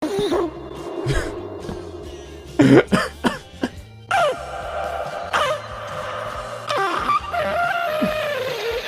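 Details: Quick run of several harsh coughs from an adult, with music playing in the background; cough.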